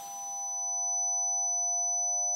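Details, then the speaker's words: Simulated tonal tinnitus: steady high-pitched ringing whine with a faint hiss, a second sound overlapping the original noise, as heard by someone with tinnitus. "and sometimes there's even a second sound a high-pitched whine overlapping the original noise it's called tinnitus the experience of hearing sounds that don't have an external source"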